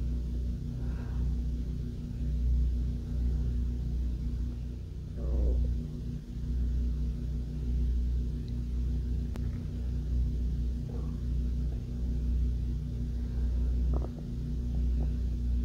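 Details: Hunger stomach growling from a woman: occasional soft gurgles and rumbles over a steady low hum, ordinary borborygmi.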